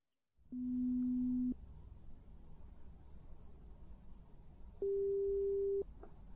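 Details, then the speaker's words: Simulated ASMR hearing test: two steady one-second pure-tone beeps with a quiet pause over faint hiss, in a test of beeps in one ear with odd beeps in the opposite ear. "but there will also be one or two beeps that are in the opposite year I want you to tell me when you hear those"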